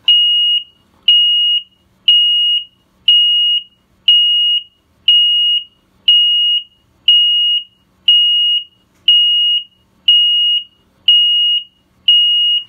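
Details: High steady beeps about once a second from a SmartMonitor 2 apnea monitor during a self-test, sounding the loss-of-vital-signs alarm for no heart rate and no respiration.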